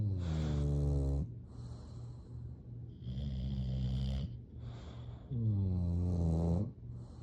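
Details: Sleeping English bulldogs snoring: deep, resonant, buzzing snores with snorting out-breaths and a steady low hum behind.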